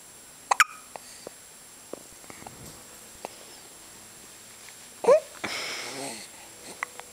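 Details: Three-day-old baby girl hiccupping after her feed: two sharp, abrupt hiccups several seconds apart with faint clicks between them in a quiet room; hiccups.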